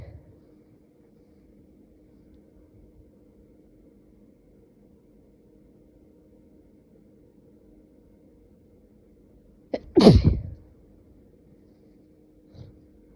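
Quiet room, then one sharp, explosive burst that fades quickly: a single sneeze.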